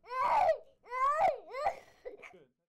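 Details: Infant; Normal infant voice (normal pediatric larynx).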